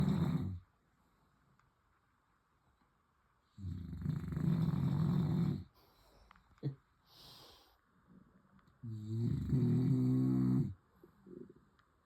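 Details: Two long, loud, low rattling snores separated by quiet pauses, with faint room noise, recorded while the sleeper keeps the household awake; ordinary snoring.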